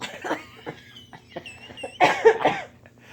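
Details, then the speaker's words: A woman's hiccups after eating chicken: a run of short, sharp, squeaky hiccups in quick succession with a clucking, chicken-like quality. "that's funny because you sound like a chicken you got the funniest things I've ever heard in my whole life oh it's sound like a chicken"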